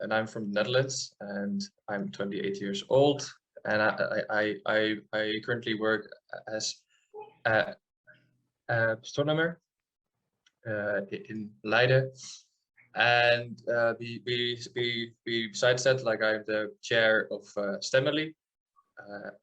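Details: 28-year-old man from the Netherlands with stuttering since childhood, noticed at about age seven, treated with speech therapy; adult who stutters speaking in an interview; stuttering.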